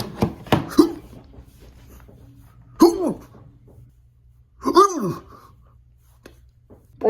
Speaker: hey bro who's hiccuping bro